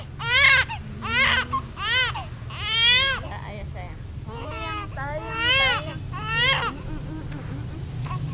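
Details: Infant crying: repeated rising-falling wails in short bursts with breaths between, over low room noise; recorded when the child was a baby.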